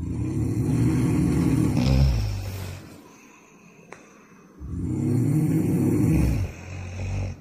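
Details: Person snoring during a family overnight trip to Seoul: two long, low, rattling snores with a quiet pause between them.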